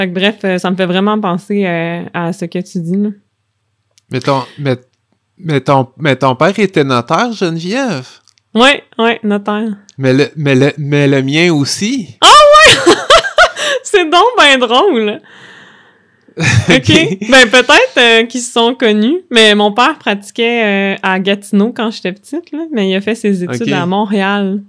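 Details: Stuttering in an adult woman who stutters.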